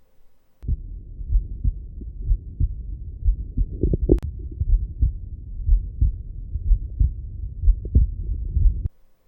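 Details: Regular low heart thumps at about 60 beats a minute, recorded at the left sternal edge through an Eko digital stethoscope and played via Bluetooth; normal heart sounds.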